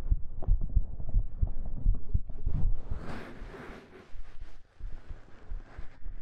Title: Let Me Hold You Close~ [3DIO ASMR] [Minimal Talking] [Hugs] [Fabric Sounds] [Stroking] [Heartbeat]